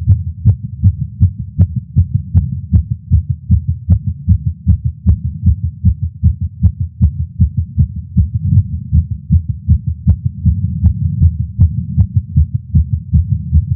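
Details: Male's heartbeat recorded with a Stemoscope stethoscope while smoking a cigar after not smoking for a while, feeling lightheaded: fast, regular beat about 150 per minute; nicotine-related tachycardia.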